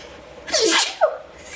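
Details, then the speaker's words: Single sharp sneeze with a quick intake of breath before the burst, in a quiet room; adult sneezing during a makeup/beauty talk. "I really have to sneeze. Excuse me. I know my sneezes are really childish."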